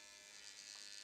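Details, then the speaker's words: Quiet, high-pitched shaver-like buzz of the AOS Nano Pen nanoneedling along the jawline on wet skin, moving side to side in an S pattern over about 2-inch areas without pressure. "Once I've done the session up and down, now I'm going to go side to side. I'm kind of doing an S formation,"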